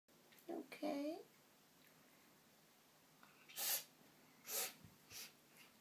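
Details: Cat in her bathtub having a sneezing attack: three sharp, hissing sneezes in quick succession after a short vocal sound, in a quiet room; repeated sneezing.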